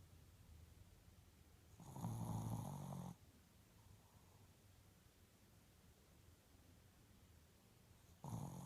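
Two loud, rattling snores on in-breaths about six seconds apart, with quiet breathing between; ordinary snoring.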